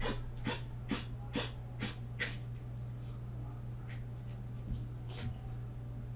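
A dog gives a run of about six quick, harsh bursts, then a few fainter ones, over a steady low room hum: repeated coughing.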